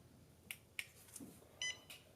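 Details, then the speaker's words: Finger pulse oximeter with the index finger inserted fully, switched on: a short high electronic beep with a few soft clicks in a quiet room, before measuring pulse and oxygen saturation. "Donc j'insère mon index bien au fond. Il faut veiller à ce que tout le doigt appuie bien sur l'appareil. Et puis je mets sous tension."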